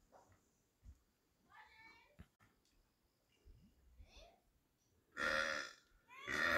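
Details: Deliberate burping: quiet voices, then a loud, long, rumbling belch followed by a second; burping.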